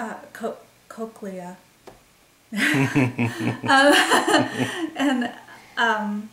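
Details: Woman with expressive aphasia and word-finding difficulty, thought to be caused by a migraine that also caused a seizure, onset December 28, 2012; expressive aphasia.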